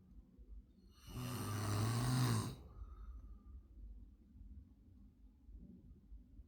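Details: Single loud, harsh, fluttering snore on the in-breath, then quieter breathing; loud snoring during sleep.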